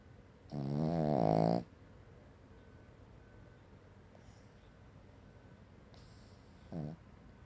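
A loud rattling, throaty snore on the breath in, then quiet, followed by a shorter second snore; dog snoring.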